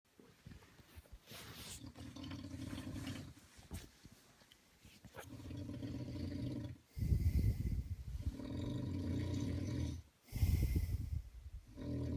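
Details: Loud, deep, rattling snores in long roaring breaths, about four in twelve seconds, from a sleeping adult man; snoring.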